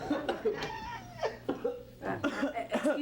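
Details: Acted, simulated coughing by a student during an exam in a Filipino comedy skit; a classmate claims the cough is severe, while the cougher says it is only slight.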